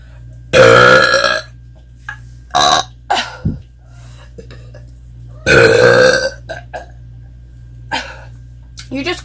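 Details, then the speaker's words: Two long, loud, deliberate voluntary burps with brief voices in between; playful burping. "Have you ever wondered what it's like to burp in an alien's face? Well, today's your lucky day."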